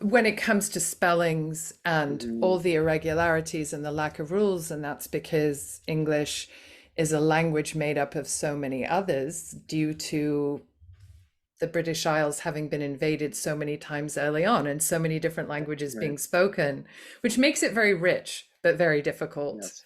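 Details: Adult woman speaking; normal fluent speech.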